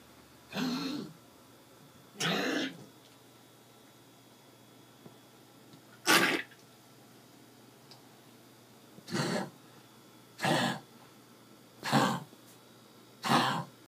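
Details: Dog Mugsy, unwell and on medication for kennel cough: seven short, harsh, hacking coughs in about fourteen seconds.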